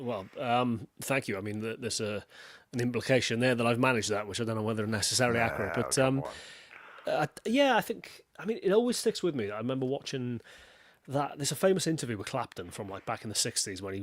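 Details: Adult male speaker; normal voice.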